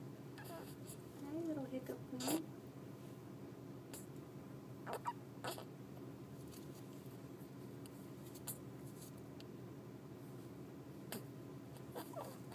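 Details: Sleeping person with brief, sharp squeaky bursts at irregular intervals over a quiet steady hum; repeated squeaky hiccups during sleep.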